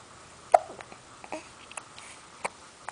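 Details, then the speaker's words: Baby with hiccups, looking grumpy: several short, sharp catches of breath in a quiet room; infant hiccups. "oh no you don't like hiccups oh you put super grumpy face"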